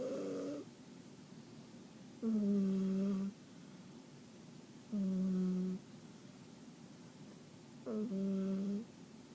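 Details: Cat snoring while asleep: snoring sounds.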